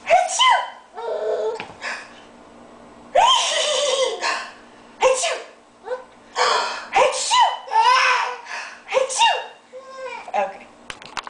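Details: Child sneezing and finding it funny: several sneeze-like bursts mixed with laughing and giggling in a small room.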